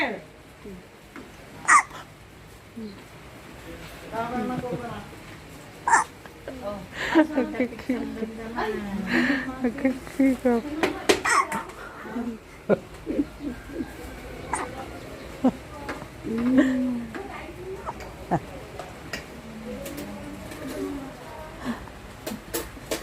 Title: BABY Hiccup SOUND#SHORT